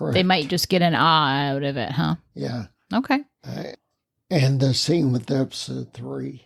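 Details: Ataxic dysarthria in a man with spinocerebellar ataxia, a rare neuromuscular disease causing mobility challenges and a speech impediment, lived with for over 20 years.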